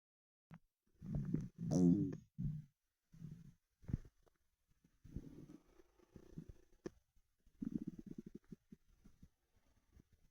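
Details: Stomach rumbling after 24 hours without food: gurgling, bubbling rumbles and squeaky gas sounds from the belly; hunger-related borborygmi.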